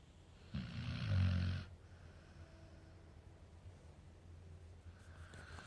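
A single deep, rumbling snore from a sleeping dog, followed by quiet breathing: snoring.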